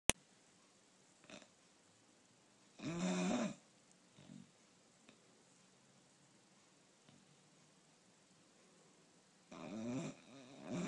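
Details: Bulldog snoring, recorded in 2015: two loud, rough snoring breaths with faint snorts between them in a quiet room, typical of a short-nosed dog.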